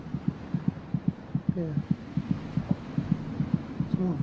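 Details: Fetal heartbeat at 26 weeks of pregnancy, audible by putting an ear to the mother's abdomen: rapid, regular whooshing pulses much faster than an adult's.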